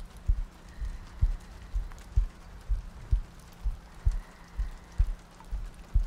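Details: ASMR sleep-aid audio loop: soft, regular low heartbeat thumps at about 64 a minute, with steady rain ambience and soft breathing in the background; regular heartbeat.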